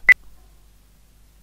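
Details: A single short, high electronic beep from a syringe pump keypad while entering a patient's weight before an operation, followed by quiet room tone.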